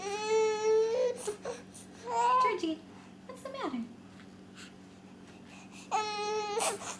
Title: The Funniest Crying Cute Baby || Big Daddy